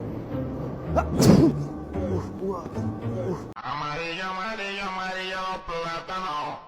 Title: Ranking Best Sneeze Moments🤧